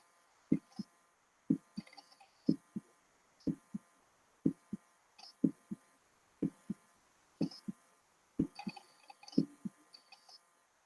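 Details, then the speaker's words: Regular lub-dub heartbeat at about 61 beats per minute with clear first and second heart sounds on cardiac auscultation, a teaching example: normal heart sounds S1 and S2. "now this s1 and s2 can be heard during auscultation of the heart sounds as a love dub sound so let's have a listen to that now"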